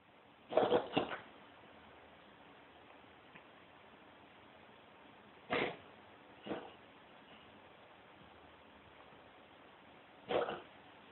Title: Кошачий кашель(